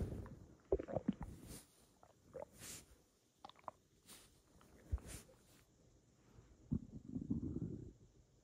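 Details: Man's hungry stomach rumbling at night: irregular low gurgles, squelches and a longer rumble of an empty stomach, ordinary hunger borborygmi.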